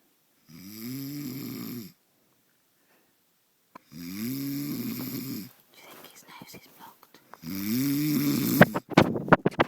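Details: Robbie snoring while others try to stop him: three loud, buzzing snores about every three and a half seconds, with soft whispering and handling noise between them.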